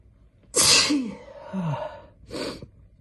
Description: I have a terrible cold, so I induced some sneezes. / Some are wet and powerful, some are stifling.